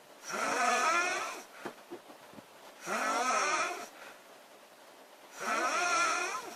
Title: Loud girl snoring August 6 2017